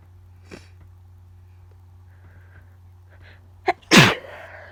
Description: I have no idea what’s going on with my nose but it tickles so much and all the sneezes are wet and powerful